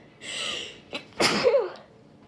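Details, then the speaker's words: Pollen allergy sneezing fit, set off by opening windows: an indrawn breath, a short catch, then one loud explosive sneeze with a trailing voiced 'choo'; allergic sneezing. "hi guys I just thought I'd hit record because my allergies have been pretty bad today because of the pollen count whoo it just feels like I have to sneeze all the time like right now oh my goodness oh"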